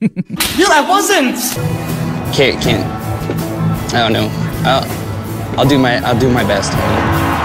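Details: Adult male talent-show contestant who stutters; he attributes it to a grenade brain injury in Afghanistan, though records reportedly show no such injury; says he does not stutter when singing; speech pathologist advised singing; host says not faked; stuttering.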